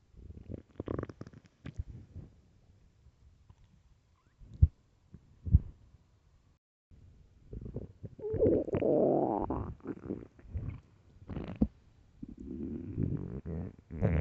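Loud gurgling, rumbling and squeaky bubbling sounds over about 14 seconds; loud stomach growling from an empty stomach.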